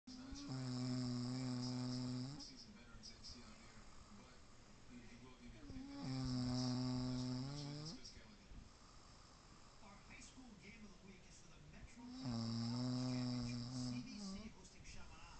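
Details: Mother sleeping, snoring recorded on an iPhone: three long, loud, vibrating snores on the in-breath, about 10 a minute, with quieter breathing between; ordinary snoring.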